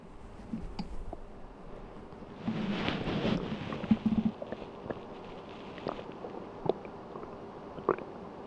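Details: Person sleeping on an empty stomach, one-hour stomach-sound recording: low gurgling rumbles and a few sharp bubbly pops over quiet room noise; normal hunger borborygmi.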